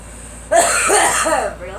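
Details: A girl gives a brief, voiced cough burst over a steady low hum of background noise; cough.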